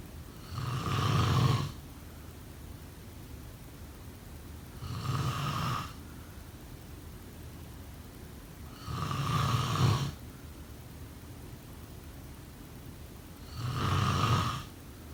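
Four loud, rough snores about every four seconds, roughly 14 breaths a minute, with quiet exhalations between.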